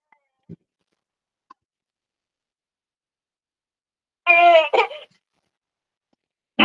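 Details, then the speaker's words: Simulated infant fussing cry from an infant simulator doll (baby-think-it-over type), put down to fuss: mostly quiet, then one brief whimpering cry burst. "okay so i just i'm putting her down so that she can fuss a little bit"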